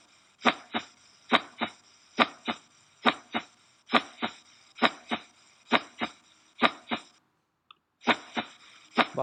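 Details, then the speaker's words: Veterinary heart auscultation at the cardiac foci: normal heart sounds, the first sound produced by atrioventricular (mitral and tricuspid) valve closure as the ventricles contract after diastole. "estábamos en la diástole empezó a contraer ese corazón hay un boom por el cierre de la válvula atrio ventricular"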